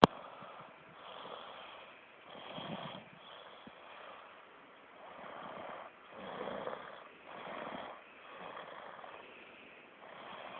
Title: snoring